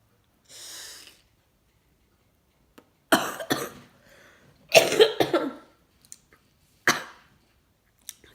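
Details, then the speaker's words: Woman with cystic fibrosis: a few quiet breaths, then about five or six short, harsh coughs triggered by inhaling a dry-powder antibiotic capsule meant to treat lung bacteria; she sometimes can't hold the breath long. "Sorry. Definitely makes me cough, and sometimes I can't hold the breath in too long."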